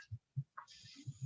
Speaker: i would say i can still hear the sound of the heartbeat it's just me oh maybe it's not